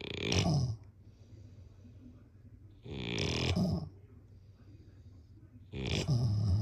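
Three loud, rough, rattling snores come on each breath in, about 20 a minute, with quiet pauses between them. This is snoring during sleep.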